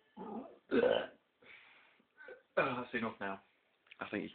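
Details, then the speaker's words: Housemate deliberately burping on request, several short, voiced, croaky burps in a row over a few seconds: burping. "Come on, give us some burps then."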